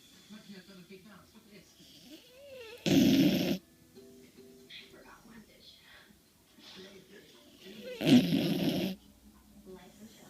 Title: Bailey the corgi snoring again!